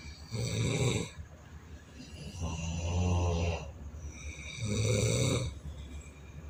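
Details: Mechanical snoring sound: loud, rough, low-pitched snores on each breath in, about three in six seconds, with quieter breaths out between them; snoring.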